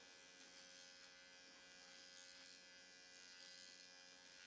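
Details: Faint steady high-pitched electric buzz of an AOS Nano Pen nanoneedling the cheekbone area at home, moved slowly up and down without pressure, with a recovery solution for sensitive skin.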